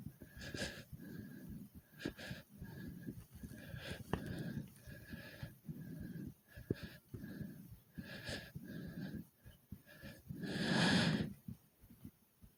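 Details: Heavy breathing and fast heartbeat after many jumping jacks: rapid, deep, audible breaths in quick succession, normal post-exercise breathing.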